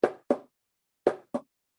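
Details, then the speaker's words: Normal heart sounds: two lub-dub pairs at about 58 a minute, S1 from tricuspid and mitral valves closing, S2 from pulmonary and aortic valves closing. "So when you're hearing that lub-dub sound of the heart, what you're actually hearing are these 2 heart sounds, the S1 and the S2."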